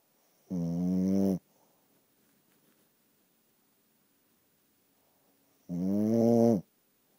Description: My dog snores like a walrus.